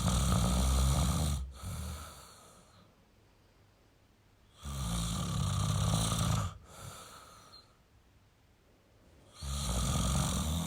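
Loud, low, rattling snores recur with each breath, about 14 a minute, separated by quiet pauses: typical adult snoring.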